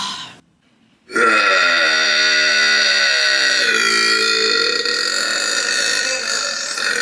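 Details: A single loud, drawn-out voiced belch lasting several seconds after a brief silence: a loud burp.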